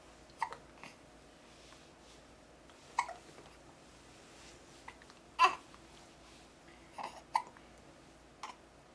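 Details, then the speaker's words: Baby boy with hiccups while being burped, seeming fussy and upset: soft, abrupt little catches of breath recurring every couple of seconds, with faint babbling between them; infant hiccups. "oh M you got the hiccups are you getting mad are you angry you got a burp"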